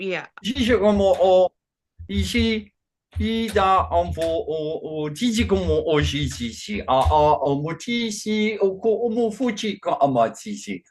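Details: Man with Functional Neurological Disorder and foreign accent syndrome since 2019, alongside non-epileptic seizures, accent changing day to day, no control over output; today a Chinese-sounding accent during a bout of gibberish; functional foreign accent syndrome with gibberish speech.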